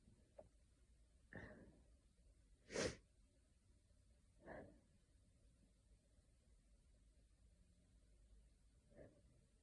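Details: Adult in London with an itchy nose all afternoon, possibly hay fever from tree pollen or a coming cold, has a series of about five sneezes and snorts in a quiet room, one louder; sneezing fit.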